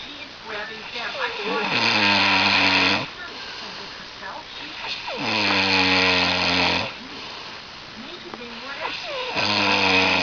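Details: Person's heavy snoring keeping another person awake: loud, rattling snores on each in-breath, about every four seconds, with quieter breathing between.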